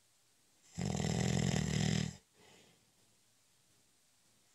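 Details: Short, light cat nap: one long, throaty snore on a breath in, a soft breath out, then the next snore starting, with light room noise; snoring.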